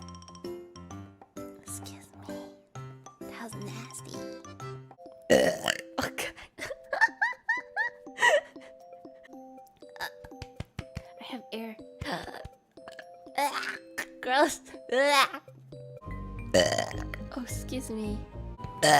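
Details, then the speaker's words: Virtual streamer's burp compilation: several short voiced belches between speech ("excuse me") with background music: burping. "excuse me yeah i was a double burp oh my god i can't get out of it i don't think i've ever double burped before that was insane excuse me"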